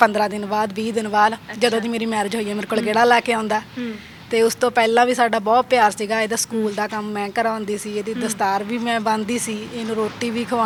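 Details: Adult woman speaking Punjabi; normal speech.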